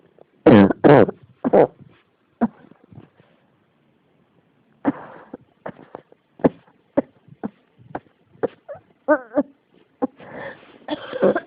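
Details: Persistent coughing: repeated bursts in clusters, about twenty coughs with short pauses and wheezy catches between them, continuing without settling.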